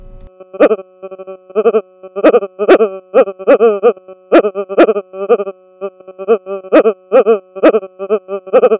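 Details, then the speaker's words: EEG sonification from a Ceribell rapid response EEG system during seizure or seizure-like activity. The repetitive, rhythmic loud fluctuations are the hallmark of a seizure. "the sound of the brain during seizures or seizure-like activity contain repetitive rhythmic fluctuations [Laughter] note the repetitive rhythmic fluctuations that are the hallmark of a seizure"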